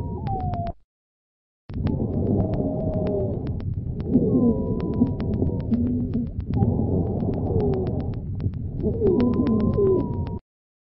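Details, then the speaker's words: Polyphonic sibilant wheeze heard on both inspiration and expiration: several musical whistling tones together, continuous high-pitched sound above 400 Hz. "il s'agit ici d'un psy vidant polyphonique entendu à l'inspiration et à l'expiration"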